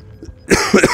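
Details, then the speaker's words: Cough from an adult gamer who says he has been sick for two to three weeks: a single harsh cough burst after near silence, with a faint second effort. "I'm still sick this sucks I've been sick for like two weeks three weeks"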